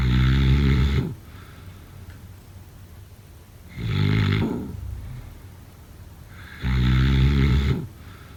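Three loud, rough snores about three seconds apart, roughly 21 breaths a minute, quiet between them.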